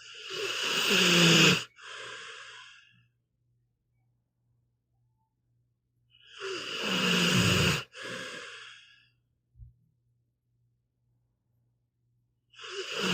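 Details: Sleeping pitbull dog: slow, rough, fluttering breaths with long pauses between, about 10 a minute, snoring.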